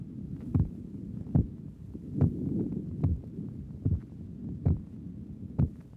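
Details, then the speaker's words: Normal heart sounds at the pulmonic area, patient without valve lesion: regular heartbeat about 73 per minute, crisp first and second sounds; second sound normal as lung blood pressure is not elevated. "Here the second sound is normal because the blood pressure in the lungs is not elevated because this patient does not have a valve lesion."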